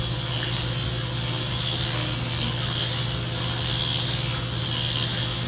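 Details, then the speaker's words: Steady loud mechanical rattling and whirring with low hum: MicroAire power-assisted liposuction cannula under suction in a numbed pubic area of an awake, lightly sedated woman, after her tummy was already done. "i like to use a special instrument it's a power device called the micro air because as you see i can work very very gently in this area without causing as much trauma or pain for the patient"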